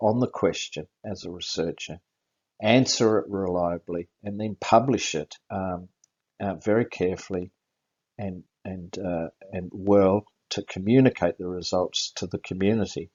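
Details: Aphasia after a stroke in an adult with about six post-stroke seizures, the most recent five weeks ago; a neurologist notes the aphasia is audible; finding: aphasia.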